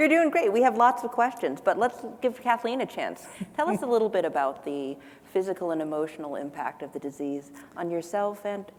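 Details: Adult woman speaking; typical speech.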